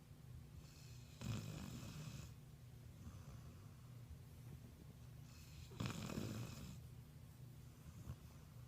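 Two soft, noisy breathing bursts a few seconds apart over low room hum; light snoring from a sleeping puppy.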